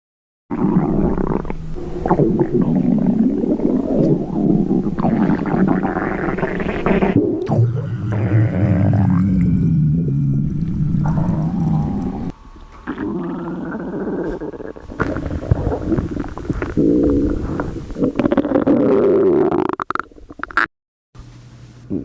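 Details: Loud, long, gurgling and groaning rumbles with squeaky rising tones lasting many seconds from a hungry stomach; stomach rumbling (borborygmi).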